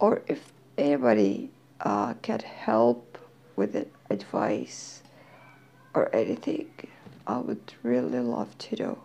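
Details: Dysphonia in a woman who is slowly regaining her voice. She says she is hard to understand.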